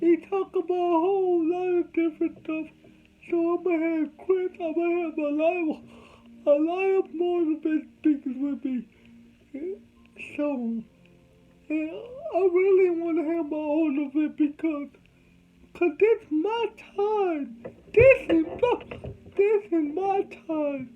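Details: Adult man with cerebral palsy from birth, whom doctors said would never talk, showing dysarthria in cerebral palsy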